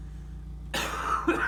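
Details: A single forceful cough with a short second burst over steady low room hum: a deliberate voluntary cough by a simulated patient reporting chest tightness, acted in a training scenario, no sputum produced.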